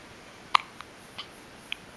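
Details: Baby with hiccups again, who also had frequent hiccups in the womb: a few soft, sharp hiccups, about four within two seconds, in a quiet room.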